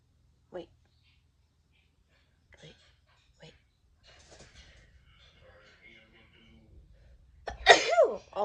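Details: Soft sniffs and quiet murmuring, then one sharp loud sneeze at the end.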